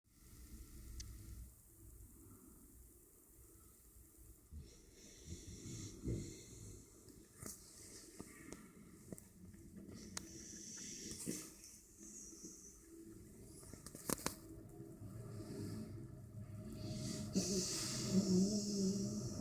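Soft, irregular snuffly snores and snorts from a sleeping puppy, with faint room noise; light snoring.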